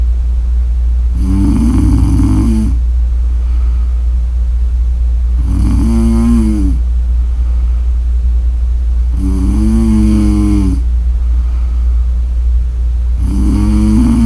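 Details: Four loud, vibrating snores about every four seconds, roughly 15 breaths a minute, over a steady low hum; regular snoring during sleep.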